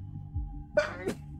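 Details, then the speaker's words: Single forceful adult sneeze, a sharp intake then an explosive burst, over background game music, from a speaker with bad allergies: sneeze. "no I'm sorry my allergies are so nasty right now I'm probably going to have to listen to this entire video and just suppress the sound of the sneezing if not just remove it"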